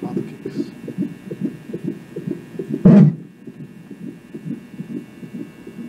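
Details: Rapid, regular whooshing fetal heartbeat on Doppler, broken by one loud thump as the baby, a girl, moves close to the probe and kicks it.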